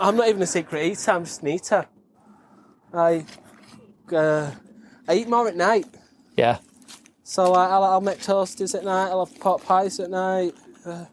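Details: Adult male veteran with a stammer he masks well; it varies from days without stammering to periods of stammering and is usually worse on the phone; stuttering.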